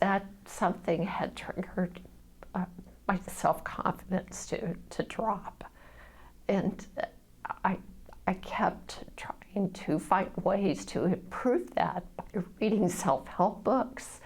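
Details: Adult woman diagnosed at a voice clinic with spasmodic dysphonia, of unknown cause; the voice is strained, whispery or breathy, and spasms sometimes silence it altogether: spasmodic dysphonia.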